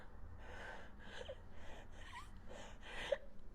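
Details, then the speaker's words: Imitated laboured breathing of an asthma patient with shortness of breath: quick, effortful, audible breaths repeating about five times in under four seconds. "they will be having shortness of bread and very difficult in breeding asthma patient you see them especially when they they sit down they tend to breathe"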